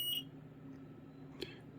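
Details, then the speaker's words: Faulty Alaris IV infusion pump (Gemini PC-1), with its battery removed, sounding an internal error alarm after self-test: a brief high electronic beep, then a faint beep over quiet room hum. "Help internal error, and it's going to be help battery. It's the same error, so obviously it's not acknowledging the absence of the battery, or it already was."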